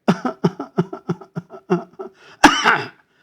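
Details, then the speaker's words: Imitated wet cough, as when pneumonia is resolving and phlegm starts coming out: a run of about ten short, rattly coughs that intensify into a harder, forceful cough as phlegm is brought up. "that time it becomes a wet cough where you try to bring out the flum there it gets little bit intensified"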